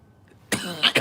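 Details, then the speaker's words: After a brief quiet moment, a sudden harsh cough bursts out, then a second short cough: an adult stoner's stifled cough breaking through, which others describe as sounding like a laugh. "You gotta make the coughs you do have all the phlegm in them. Make sure they're wet."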